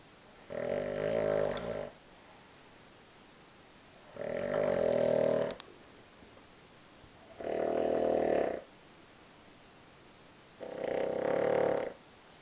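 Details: Four loud, rattling snores about every three seconds, roughly 19 a minute, with quiet pauses, from a sleeping member of a cross-country downhill team on tour; snoring.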